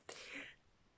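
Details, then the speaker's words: A cat sneezes once in a quiet room: a single sudden, hissing burst of air, sharp at the start and fading within half a second. Sneeze. "C'est mon chat qui éternue, je ne sais pas si vous l'entendez."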